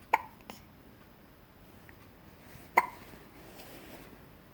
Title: I haz the hiccups